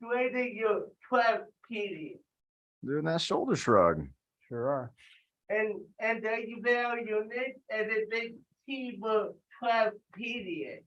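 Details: Adult with cerebral palsy speaking during a live group workout session, told to talk loudly; dysarthria (cerebral palsy).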